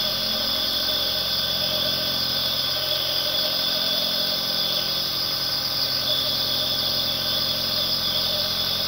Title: 1 hora Aerosol nebulizer, El Mejor Sonido Nebulizador, Dormir Sonido para relajarse